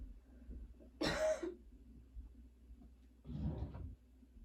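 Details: Persistent coughing fits despite medication, while unpacking after a vacation: two separate coughs, the first sharp and loud, the second softer and rougher, with quiet room noise between.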